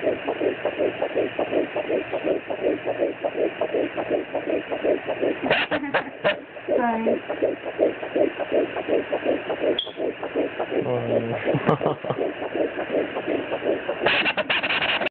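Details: Fetal heartbeat at 9 weeks of pregnancy picked up by a home fetal Doppler on the abdomen: fast, steady whooshing pulses at about 160 per minute.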